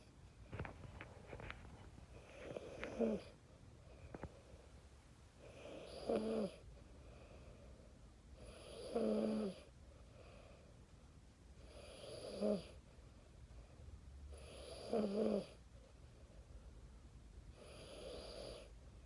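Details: 4-year-old child, a deep sleeper, snoring in sleep: regular snoring breaths about 19 a minute, each with a rough rattle, in a quiet room.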